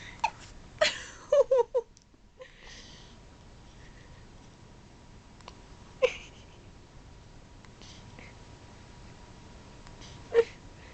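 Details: Hiccups in a baby boy: several brief, sharp, isolated hiccup sounds spaced irregularly over quiet room noise, some small, one stronger; hiccups.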